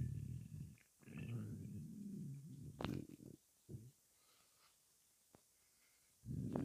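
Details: Low, long gurgling rumbles with quiet gaps between them after 23 hours without food: hunger-related stomach growling, normal bowel sounds when the stomach is empty.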